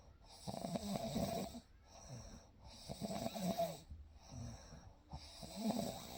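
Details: A real night-time sleep recording made with a baby: gentle snoring over a calm ambience.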